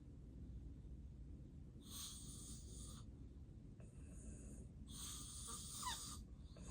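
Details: Loud, rough snoring breaths over a steady low room hum during a real, unplanned nap by an adult with obstructive sleep apnea, with heavy breathing and apnea pauses: snoring in obstructive sleep apnea.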